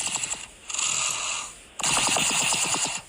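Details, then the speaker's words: Sleeping young daughter, super congested: wet, rattling, slurping breaths likened to sipping hot tea; congested noisy breathing in sleep. "that's her that's her breathing she is congested super congested right sounds it sounds like somebody's like sipping tea yes exactly so she's slurping a hot beverage and she was just asleep"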